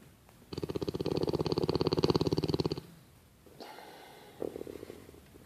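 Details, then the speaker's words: Sleeping man snoring while a companion tries to wake him: a loud, rattling, buzzing snore on one long in-breath, then a softer, quieter breath; noisy snoring. "how can you sleep with that snoring? Psst. Dude. You're snoring."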